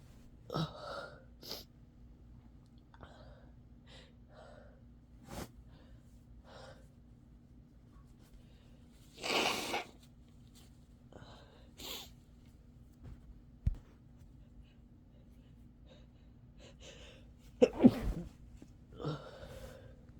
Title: Sick sneezes again